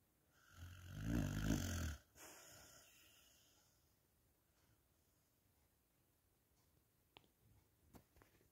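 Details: Pet sleeping after a long stroll, snoring: one loud, rough, low snore on an in-breath, then quiet breathing with faint room sounds.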